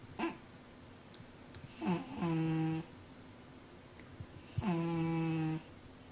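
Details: Sleeping cat wearing a cone, owner thinks she is dreaming: two drawn-out, buzzing snores on the in-breath, a few seconds apart, in a quiet room; snoring.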